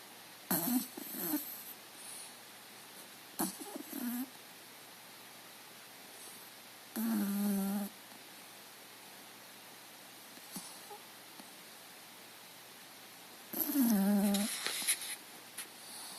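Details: Sleeping puppy snoring: occasional short, tonal snorting snores with long quiet gaps between them, in a quiet room; intermittent snoring.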